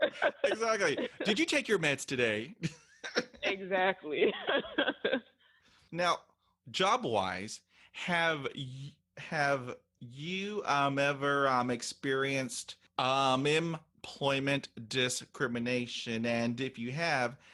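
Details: Adult woman who stutters, an author and content creator, says stuttering hurt her job search and interviews; stuttering.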